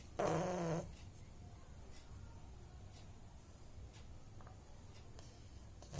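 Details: A sleeping pug snoring: a single loud, buzzing, tonal snort followed by quiet, low rumbling breathing.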